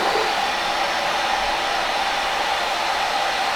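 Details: Mechanical insufflation-exsufflation with a Clearway cough assist machine through a cuffed tracheostomy, in a patient recovering from a chest infection after complications of deep brain stimulation surgery: steady, loud rushing airflow delivering a breath.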